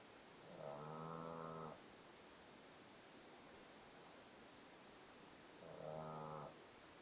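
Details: Snoring: two buzzing snores about five seconds apart, each roughly one second long, over steady room hiss; regular, about twelve breaths a minute.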